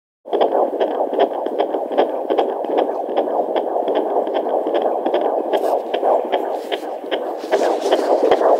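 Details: Rapid, regular whooshing fetal heartbeat at about 150 beats a minute, heard through a Jumper JPD-1008 handheld fetal Doppler at 17 weeks 2 days of pregnancy, found on the first attempt.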